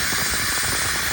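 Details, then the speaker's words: Dental assistant using the triplex (air-water syringe) air button to keep the mouth mirror clean while water runs during suctioning on the lower right side: steady hissing rush of compressed air. "The triplex has an air and water button, so what the assistant can do is use the air to keep the mirror clean whilst there's water going up it."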